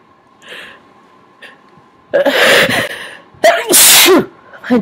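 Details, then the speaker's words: Sneezes induced by tickling the nose with a Q-tip, person getting lightheaded from repeated sneezing: two loud wet sneezes, each preceded by a sharp inward breath, against quiet room noise. "I thought I was all sneezed out but this is really helping sh getting a little lie headed from all the sneezing"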